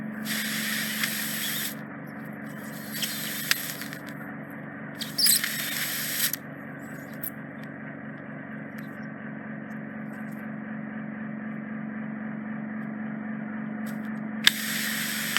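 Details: Microsuction removal of deep impacted ear wax trapped in the isthmus of a woman's ear canal near the eardrum: steady low suction hum with intermittent loud hissing and crackling bursts as wax is drawn out.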